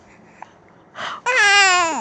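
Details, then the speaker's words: Infant with hiccups, crying in apparent upset: a short fussy vocal sound, then a sustained high-pitched wail falling in pitch at the end. "Who did that to you? Those hiccups are bad, huh? They are bad."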